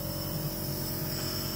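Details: Jet nebulizer compressor running during a teaching demonstration, where it is said it can be given alongside oxygen in severe breathlessness: a loud steady motor drone with a constant hum as it turns liquid medicine into mist.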